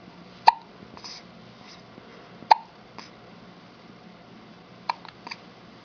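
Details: Young child on his father's lap with hiccups: three sharp, abrupt hiccups about two seconds apart, each followed by a soft catch of breath, in a quiet room.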